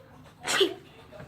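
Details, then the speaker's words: Acted sneeze from a skit about types of sneezers, possibly the fake type: one sharp, hissing burst of air after a short intake, a single sneeze. "So let's get started with the loud one sneezer."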